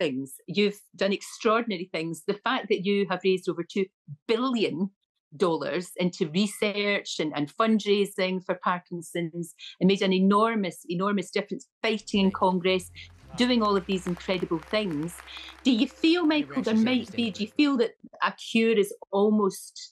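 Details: Adult woman speaking; ordinary speech.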